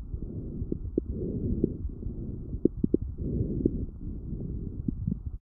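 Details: Lung sounds through a stethoscope: breath sounds with brief, fine crackling pops during breathing; fine crackles (fine crepitations).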